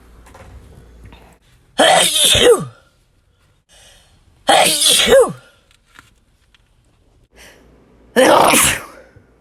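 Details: Sneezes from a compilation: three loud, explosive sneezes a few seconds apart, each with a sharp hissing burst and a voiced tail.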